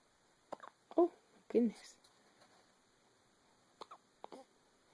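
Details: An 8-day-old baby boy has a run of short, abrupt hiccups, each a sharp catch with a small voiced squeak.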